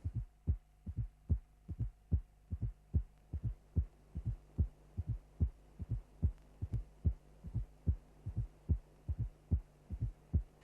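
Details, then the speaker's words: Fourth heart sound (S4 gallop) in a cardiac auscultation teaching programme: regular low heartbeat near 73 a minute with a soft, low-frequency presystolic thud just before the first sound, timed against the carotid pulse. "now concentrate on the first and listen to the presystolic fourth sound bopup bopup"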